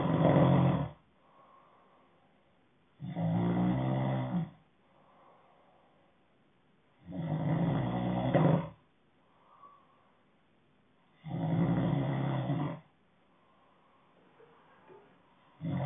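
Low rumbling snores on each breath in, about 4 in 15 seconds (roughly 16 a minute), with quiet breathing between: snoring.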